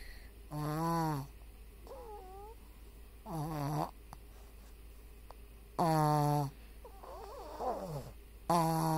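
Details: Squeaky, whistling snores with rising and falling pitch, about 23 a minute, over quiet room hum; snoring.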